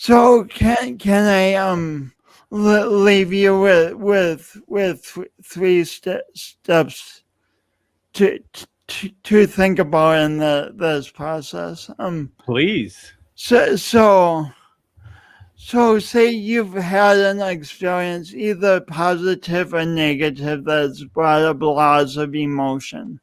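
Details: Dysarthric speech in an adult man who lost oxygen at birth, with a pronounced lifelong speech impediment and an unusual gait.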